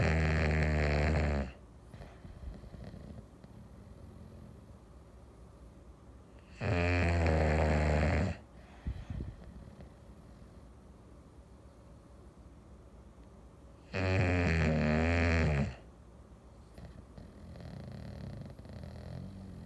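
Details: English Bulldog asleep on an afternoon: deep, loud, vibrating snores, slowly about 8 a minute, with quiet pauses between them; snoring.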